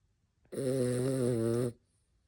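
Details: Senior rescue dachshund snoring: one loud, steady, rumbling snore lasting about a second on the breath, in a quiet room; ordinary snoring.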